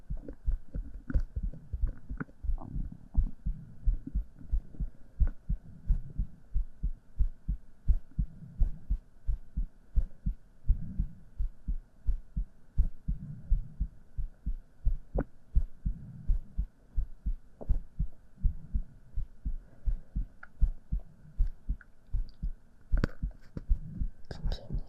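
Steady, muffled low heartbeat thumps at roughly 87 beats a minute over a faint background hum.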